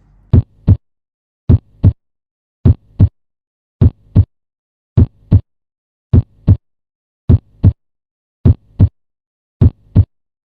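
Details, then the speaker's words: Stethoscope auscultation at the aortic valve area, right sternal border, second intercostal space: regular paired normal heart sounds at about 52 beats a minute, with the second sound clearer. "Yang pertama kita cek katup aorta letaknya pada line steris kanan ICS kedua. Kita dengarkan bunyi jantung dua yang lebih jelas."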